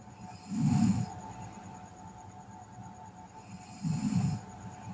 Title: Sleeping Girl Snoring